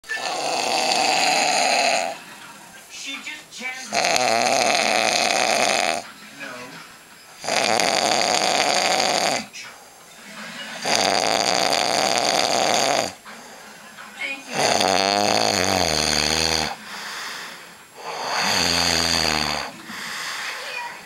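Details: Ryan snoring, recorded 2009: loud, harsh rattling snores in regular cycles, about 5 breaths in 21 seconds (around 15 a minute); heavy snoring.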